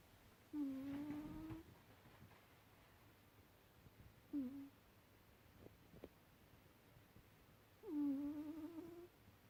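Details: Soft, whistling, humming snores from a sleeping cat, three in about nine seconds, with quiet pauses between.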